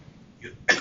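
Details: Man covering his mouth: a quiet breathy intake, then a single sharp explosive burst cut off at the end; one cough, uncertain whether coronavirus.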